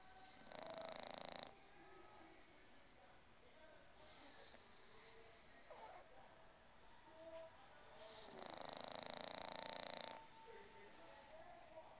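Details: English Bulldog asleep, snoring with his tongue sticking out as usual: hissing, buzzing snores of one to two seconds recurring every few seconds over quiet background noise.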